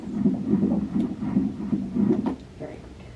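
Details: Rapid rhythmic whooshing pulses, about seven in two and a half seconds, roughly 160 a minute; fetal heartbeat on ultrasound in a first pregnancy, baby reported fine.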